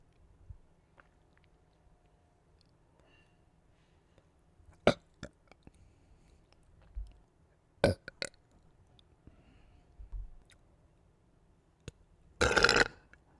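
Several short burps in a quiet room, ending with one longer, louder belch, from swallowed gas while drinking a fizzy drink.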